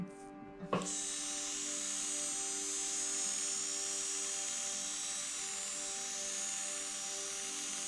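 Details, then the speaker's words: Steady high-pitched motor whine after a brief click: M4 Safety endodontic handpiece raised in speed, driving a precurved size 8 manual file in a mesiobuccal canal of an extracted tooth. "On va mettre 5000 tours par seconde. Ça, c'est déjà beaucoup plus rapide."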